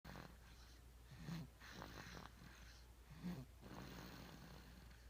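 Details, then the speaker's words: Sleeping baby about 5½ months old snoring surprisingly loudly: soft, low rumbling breaths with snorting bursts on inhalation, about 30 a minute, over faint room noise. "is asleep, and I never knew babies could snore this loud."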